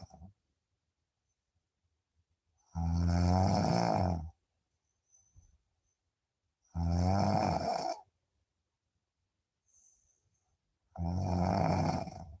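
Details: Loud, rumbling snores on each in-breath, about four seconds apart with quiet pauses between, roughly 15 breaths a minute, during deep sleep.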